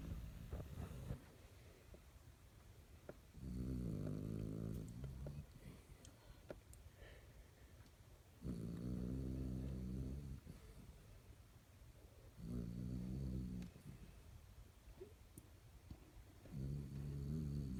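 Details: Snoring in sleep: deep, buzzing snores on each breath in, about four in the clip, roughly 14 breaths a minute, with quiet pauses between.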